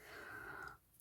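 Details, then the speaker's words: Sleeping pet dog snoring: one faint, drawn-out breath with a thin whistling tone, ending abruptly in quiet room noise. "Tak, chrapie sobie mój piesek, takiemu to dobrze. Może sobie spać i chrapać."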